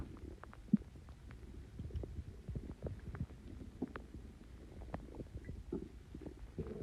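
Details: Stomach growling (borborygmi) after drinking Coke with Mentos: continuous low gurgling and rumbling with scattered bubbling pops.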